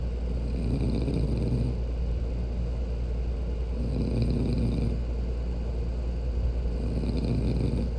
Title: I hate a women that snores ugh 😭😭😭